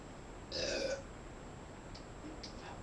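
A short, loud belch with a low rumbling tone, followed by faint softer sounds against background hiss; a burp.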